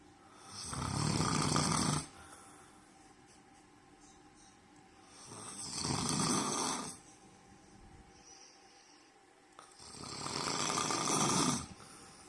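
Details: Adult man (boyfriend) snoring heavily: three loud, harsh, rasping snores on inhaling, about 13 a minute, with quiet breathing out between them.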